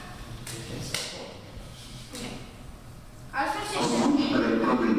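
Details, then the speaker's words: Spoken voice prompt from a training AED over room noise and taps, instructing placement of electrode pads on the bare chest during a first aid CPR training for scouts; AED voice prompt. "We have turned the AED on.. [Device ready] [Remain calm] [Check reactions] [Call for emergency] [Clear air passages]"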